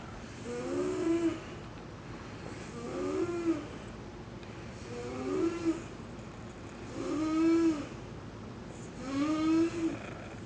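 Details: Snoring at night during sleep: regular rasping, groaning breaths about every two seconds, roughly 30 a minute, with room hiss behind.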